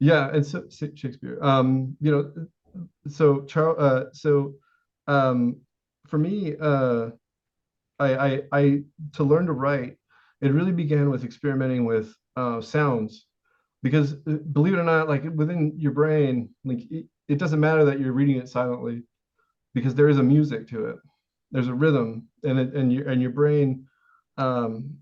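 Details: Vocal tic in an adult male with severe Tourette syndrome, U.S. Navy veteran; involuntary word tic.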